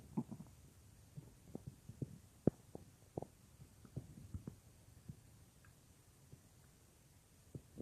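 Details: A woman's own stomach, heard as if lying on her belly: soft scattered gurgles and pops at irregular intervals over a quiet background. Ordinary bowel sounds.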